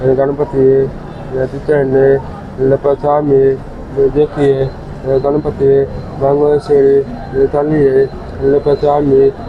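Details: Limited, unclear, halting words in a 17-year-old boy with hearing and speaking problems who had not spoken since childhood and had communicated only by hand signs, now chanting devotional calls.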